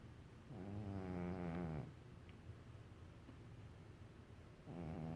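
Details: A pet cat snoring away while asleep.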